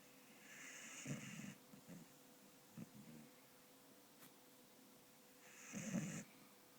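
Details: 4-year-old beagle snoring and dreaming in sleep: soft snoring breaths with small snorts and faint whimpers between them.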